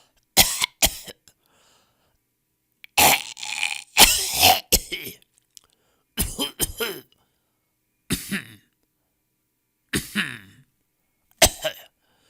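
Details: Stock audio of people coughing in varied styles: a series of sharp, harsh coughs in short bursts, some paired, with quiet gaps between.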